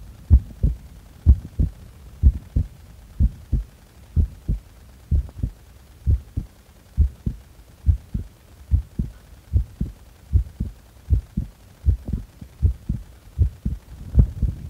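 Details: Steady paired heartbeats at about 75 a minute, recorded during breath-holds after inhaling and after exhaling; normal heart sounds.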